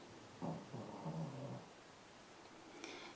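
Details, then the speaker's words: Shih Tzu dog snoring while asleep: soft, low rumbling snore, faint in a quiet room. "if you all can hear the snoring that is my shitsu believe it or not he slept all night too but apparently he's still tired"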